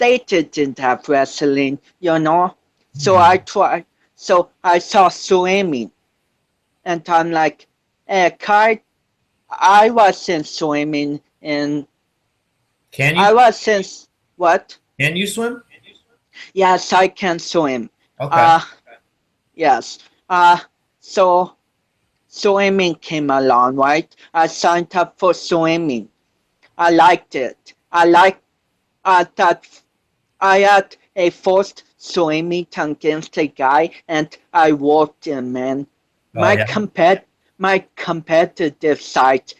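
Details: 25-year-old man with cerebral palsy since birth, which he says affects his balance, coordination and speech; doctors said he would never walk, and he is now a powerlifter; dysarthria associated with cerebral palsy.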